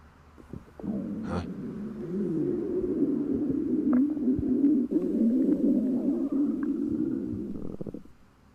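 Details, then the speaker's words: A long, loud, gurgling low rumble lasting several seconds, attributed to hunger; stomach growling (borborygmi). "Sorry about the loud noise in there. I was so hungry. I never heard my stomach grow this loud."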